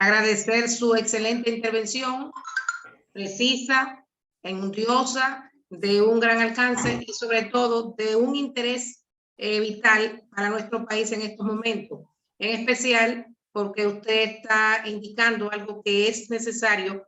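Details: Adult speaker; Normal speech.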